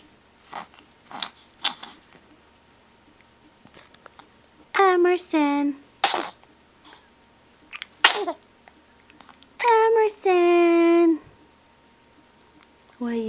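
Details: Male infant, about 3 weeks old (parent unsure), sneezing in sharp bursts between soft breathy sounds and brief high-pitched squeaks.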